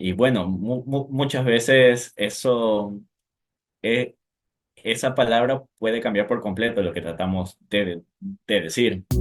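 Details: Male with stuttering (disfemia) since age 4, inherited from his father, speaking Spanish with repetitions and fillers; stuttering.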